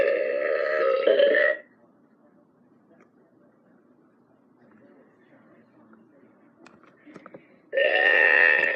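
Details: Burping sound from a toy dog bought at a toy store: two long, rumbling, voiced belches separated by a quiet pause.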